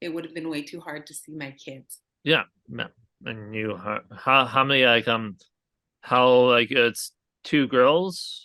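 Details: Aphasia in an adult man, a real stroke survivor, caused by a hemorrhagic stroke from an arteriovenous malformation at age 20.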